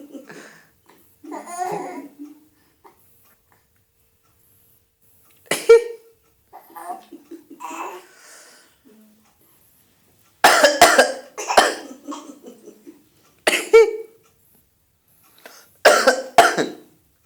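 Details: An adult father gives several deliberate single coughs, and an infant answers each with bursts of giggling laughter.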